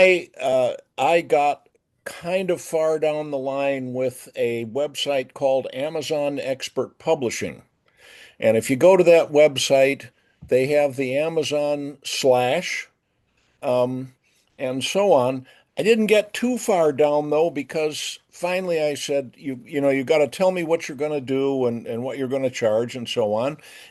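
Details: Adult male speaker; normal conversational speech.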